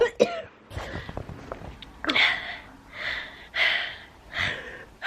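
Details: Run of about five harsh, breathy cough bursts from an adult man with cystic fibrosis, recorded while waiting at grocery pickup; he says he is tired of coughing; cough in cystic fibrosis.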